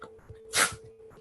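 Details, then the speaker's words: Sneeze from a dog, one of repeated sneezes: a single short, sharp burst over a steady low background hum. "If you did hear that. That was my dog sneezing There he goes again"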